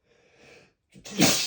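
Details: Loud, open, unstifled sneeze from a male (M) after a soft in-breath and short pause.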